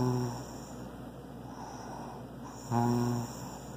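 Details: Snoring: two low, buzzing snores about two and a half seconds apart, with a faint steady hum in the background.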